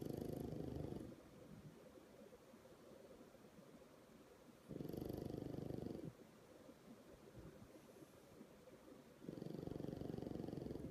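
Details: A sleeping pug raising its leg gives loud, rough, fluttering snores on each in-breath, about 13 a minute, with quieter breathing between them; snoring.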